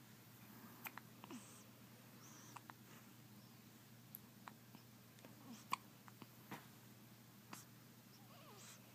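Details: 5-day-old newborn with hiccups: soft, sharp little clicks recur at irregular intervals over quiet room noise; newborn hiccups.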